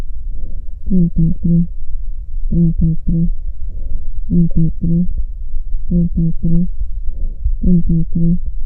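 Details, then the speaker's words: Normal vocal resonance on chest auscultation as the patient repeats "33": muffled, low-pitched murmured words, with high vowel tones filtered out by the lung parenchyma. "Transmisión de la voz normal. El parínquima pulmonar actúa como un filtro selectivo en el que se pierden los tonos agudos de las vocales, escuchándose la palabra en un murmullo de baja tonalidad."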